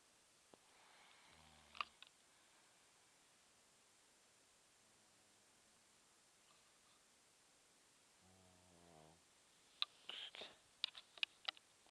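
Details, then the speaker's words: Woman snoring at night, recorded by someone who couldn't sleep: faint, brief buzzing snores at long intervals with a few clicks; light snoring. "there snoring, I got up to turn on the light because I couldn't sleep."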